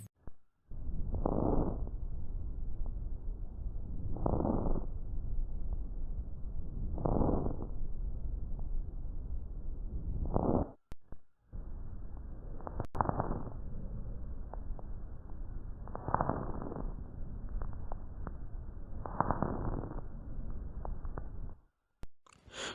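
Muffled chest breath sounds, about 19 breaths a minute, with scattered crackling pops mixed into each breath: crackles, or rales.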